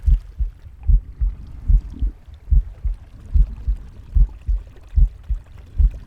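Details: Pig's normal heartbeat: steady low double thumps at about 73 per minute, with faint breathing and stomach gurgling in the background.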